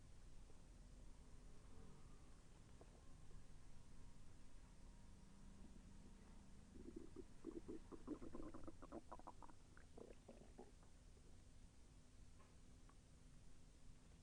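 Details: Soft gurgling and a brief rolling rumble under steady hiss during digestion; the person felt the intestine move with slight pain. Bowel sounds.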